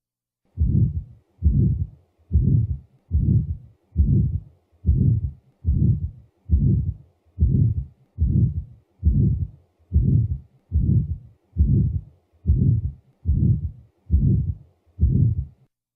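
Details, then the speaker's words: Teaching recording: regular heartbeat about 68 a minute, each beat carrying a long, harsh crescendo-decrescendo systolic ejection murmur typical of severe aortic stenosis. "the next example is the murmur typical of severe aortic stenosis"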